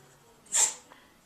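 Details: A dog gives a single short, sharp, hissing burst of air, filmed at home on a flip camera; a typical canine sneeze.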